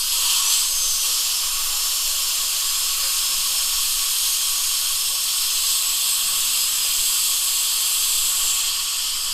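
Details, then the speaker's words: Steady high-pitched hissing whine of a dental handpiece polishing the occlusal surface to remove stain on broken-down lower teeth 29 and 30 under rubber dam after decay removal. "now we're going to polish the accusal surface we're also going to make sure we get all the stain off"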